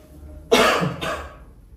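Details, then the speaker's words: A single brief, sharp, dry voluntary cough from an adult man born in 1984, given on request before chest auscultation during a respiratory examination in which vesicular breath sounds were heard without crackles or wheeze; quiet room noise follows. "Next, what I'm gonna do is I'm gonna listen to your chest sounds with my stethoscope, okay? And if you can cough for me first."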